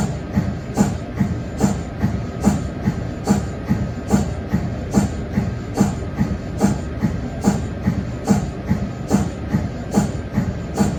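Steady mechanical chuffing pulses about 72 a minute over a constant hum: the normal rhythmic sound of an MRI cold head.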